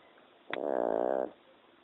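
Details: Sleeping Boston terrier snoring: a single brief buzzing, fluttering snore lasting under a second.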